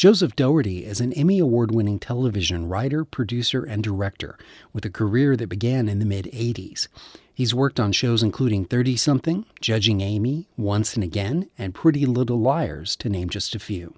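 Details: Adult male narrator; typical speech.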